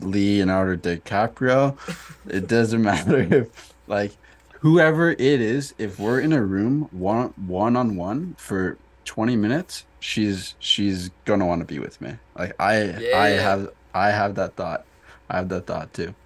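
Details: Adult man who stutters; stuttering with audible word and part-word repetitions.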